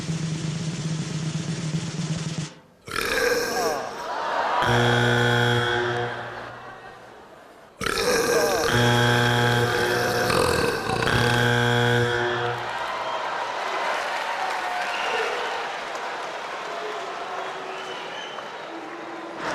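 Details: Deliberate performance burping on stage at a 2010 Britain's Got Talent audition: long, loud, drawn-out, strongly pitched belches in two main bursts with pauses between, and crowd noise behind.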